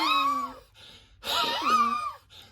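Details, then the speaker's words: Adult physician deliberately imitates a wheeze by breathing very fast to constrict the airways: two forced, fast breaths with a high musical whistling tone; imitated wheeze. "That's wheezing. I'm doing it on purpose because I'm breathing real fast."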